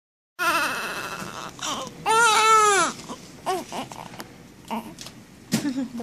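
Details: Infant crying, described as about the only time he cries so far, apparently while being dried off and wrapped and said to be cold: short bursts of rising and falling wails, then whimpers; an ordinary infant cry.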